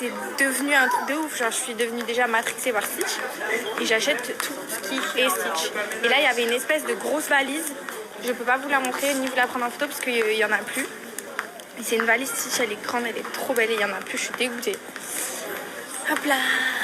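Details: Adult woman speaking French; normal voice.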